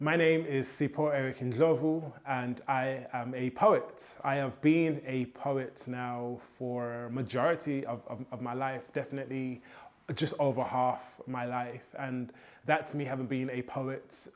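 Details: Stuttering (stammer) in an adult male poet, present since childhood; he says copying rhythmic hip hop flows helps his fluency.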